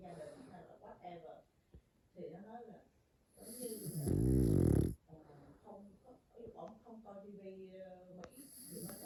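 Snuffly, buzzing snores and little grunts from a sleeping puppy, with a brief louder rustle partway through.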